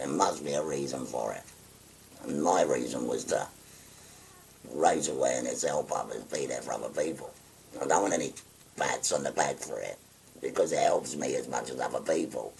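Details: 57-year-old man with a voice valve (voice prosthesis) after total laryngectomy for stage four laryngeal cancer, pressing a button to occlude his neck stoma; tracheoesophageal speech after total laryngectomy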